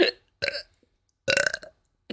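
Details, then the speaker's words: A few short, throaty belches in quick succession from a woman during a livestream. She tells viewers she burps a lot. "me also for everyone who's new here I do burp a lot"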